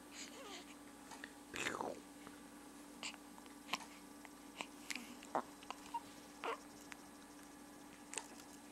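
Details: Baby hiccups: small, sharp catches about every second over a quiet room hum, with a brief fuss early on.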